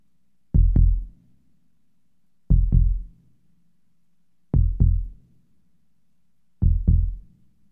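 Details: Four deep, paired lub-dub thumps about two seconds apart, a simulated sound-effect heartbeat slowing to near 30 beats per minute.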